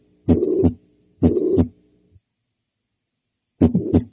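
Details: Systolic ejection murmur played for teaching, occurring between S1 and S2: heart beats with a rough whooshing murmur filling the gap between the first and second sounds.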